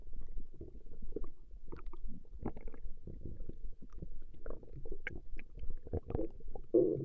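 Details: Woman's stomach growling from a 20-minute recording: continuous low gurgling and bubbling rumbles throughout; ordinary borborygmi, a normal bowel sound.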